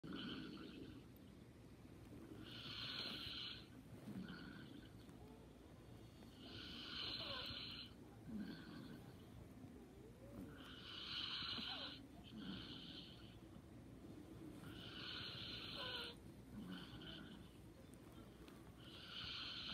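Regular soft breathing with light, airy snoring on each breath, about fourteen a minute. Light snoring during deep sleep.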